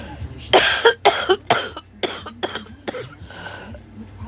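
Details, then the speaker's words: Cough in a sick adult woman with sore throat and cold, feeling nauseous; she says coughing like this makes her leak urine unless she closes her legs tightly, attributed to a past vaginal birth. "And TMI, I always have to close my legs dumb tight when I cough like that cuz if not, I'd pee myself."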